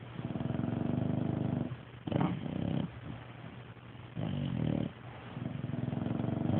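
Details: Two dogs snoring: low, buzzing, rattly breathing sounds in repeated cycles, with rougher snorting bursts between them.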